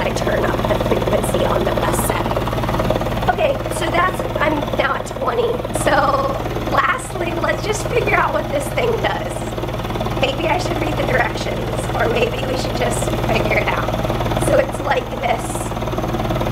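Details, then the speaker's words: Hill-Rom Vest 105 high-frequency chest wall oscillation vest for cystic fibrosis, frequency being turned up: steady hum and rapid pulsing while the wearer's voice wavers and shakes, vibrating faster as oscillation frequency increases. "I'll put the frequency up and you'll be able to hear it [Laughter] so you can hear that my voice is going quicker and quicker and quicker with the faster that I"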